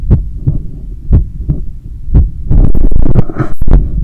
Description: Sound of my heart beating when I wake up